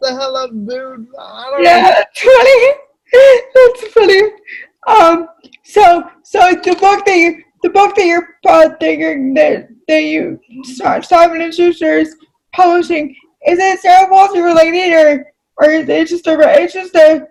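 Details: Adult female with cerebral palsy; dysarthria (cerebral palsy).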